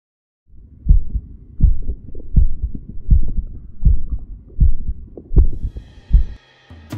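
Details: Normal heart sounds (S1 and S2) self-recorded with a DIY electronic stethoscope, a microphone fitted to the stethoscope head: regular low heartbeat thumps at about 80 a minute.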